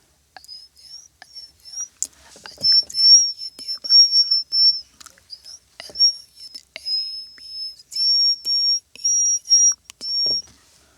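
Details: Male who attributes his whistle ability to lumps on both vocal folds found on laryngoscopy after a painful coughing episode; whistle mixed into speech; whistle register phonation in speech.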